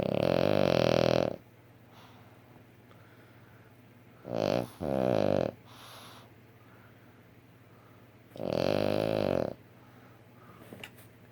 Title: mojo snoring